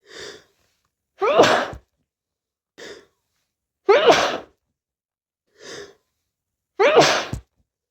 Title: sneezing variations + nose blowing